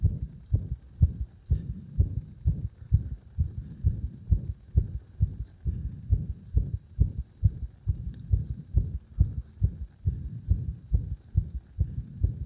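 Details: Arrhythmia induced by gradually increasing compression on the heart: fast heartbeat, about 136 a minute, with uneven spacing between beats.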